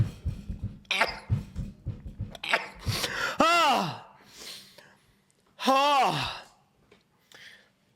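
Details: Sneezes from a male Twitch streamer: short, sharp, breathy bursts, then two loud voiced sneezes with falling pitch, in a quiet room.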